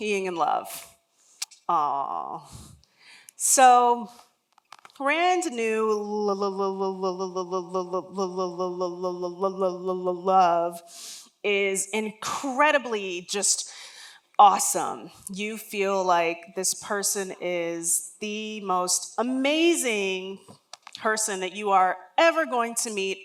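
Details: Adult woman, a lifelong stutterer whose stutter began around age three and was never outgrown, speaking during a talk; real, not acted: stuttering.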